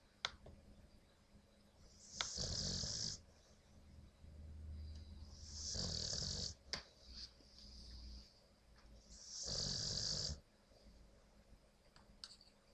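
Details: Newly adopted dog, exhausted and sleeping, who also passes gas; three loud, hissing-rasping snores at about 17 per minute with quieter breaths between; snoring.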